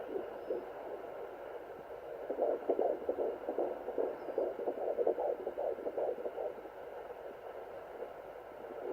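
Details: Fetal heartbeat on a Sonoline fetal Doppler at 14+4 weeks of pregnancy, first use: rapid, rhythmic whooshing pulses at roughly 150 a minute over a steady hiss.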